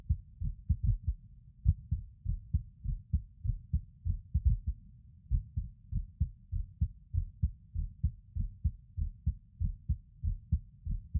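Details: Adult male's heartbeat recorded while lying on his bed: low, muffled thumps with uneven spacing and occasional longer gaps where a beat seems to drop out, irregular rhythm with skipped beats.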